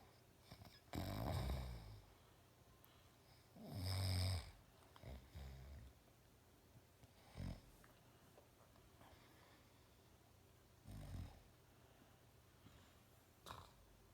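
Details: Father snoring: loud, low, rattling snores on the in-breaths, separated by quieter breathing in a still room; heavy snoring.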